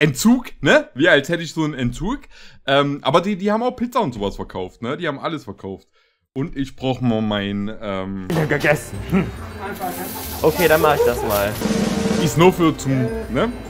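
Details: Adult male speaker; typical speech.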